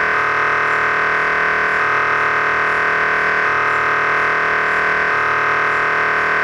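Loud, steady electronic buzzing drone with a repeating pulsed pattern, typical of an MRI scanner running a sequence.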